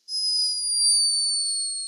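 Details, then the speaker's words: Sleeping hummingbird recorded by a scientist in Peru, giving a high-pitched but unmistakable snore. "this escaping from the tiny body of a sleeping hummingbird a high-pitched but unmistakable snore"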